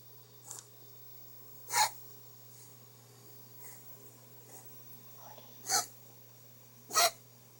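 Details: A dog gives a run of short, sharp, dry coughs at irregular intervals, with softer huffs between them; coughing spell.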